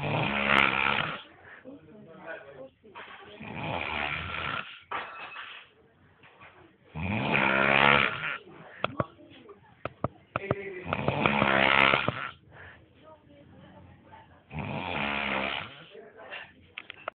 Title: Ronquido Chavo